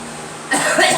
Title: Girl coughing